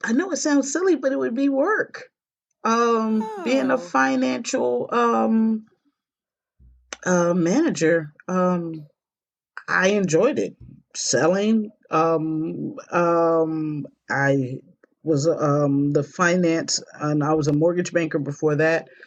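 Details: Stroke survivor with post-stroke aphasia; aphasia.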